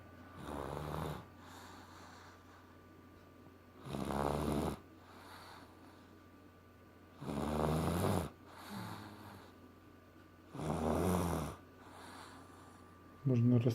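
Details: Loud, rough snores with each breath in, about every three and a half seconds, roughly 18 breaths a minute, with a steady hum in the background; snoring.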